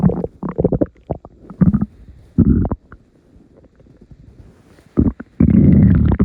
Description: Here are some morning rumbles for you all to enjoy.